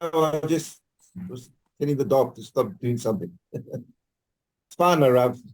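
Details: Adult speaker; Normal voice.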